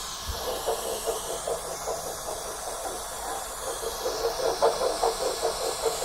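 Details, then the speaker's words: Fetal heartbeat on Doppler, played back from a phone recording: rapid, regular whooshing pulses over steady hiss, about 150 beats a minute. "the last video I wasn't able to show you guys let you guys hear the heartbeat because I did to make a little recording of raps I'm gonna play that for my phone right now"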